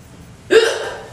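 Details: One sharp, abrupt voiced gulp over background noise from a person who says they have had frequent, hard-to-hold-in hiccups since middle school: a single hiccup.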